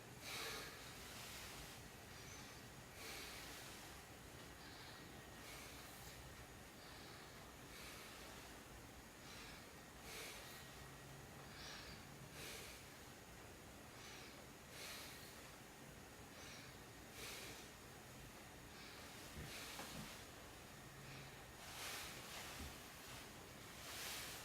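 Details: Normal vesicular breath sounds heard over the lung fields while auscultating the posterior thorax during a head-to-toe assessment.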